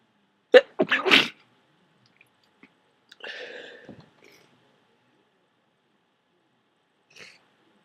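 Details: A sharp, wet sneeze burst with quick follow-up bursts, then a snuffly breath, from a person with a head cold who held off blowing their nose and was dripping with thick snot.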